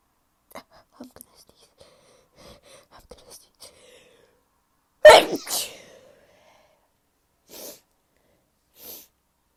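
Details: Soft breathy build-up, then one loud explosive sneeze with a trailing voiced tail, followed by quiet sniffs; frequent recent sneezing, possibly from a new allergy.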